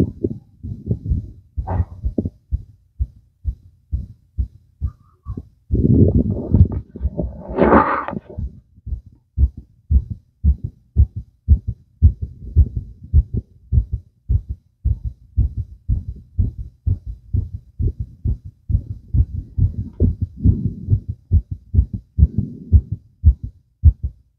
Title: fast visible heartbeat